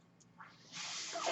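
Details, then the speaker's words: Real recording of a podcast host's own mechanical ventilator, heard as he closes the episode: a soft airy hiss builds and holds, the rush of air from the breathing ventilator. Mechanical ventilator. "My name is, and that noise you hear is my ventilator, and thank you so much for tuning in."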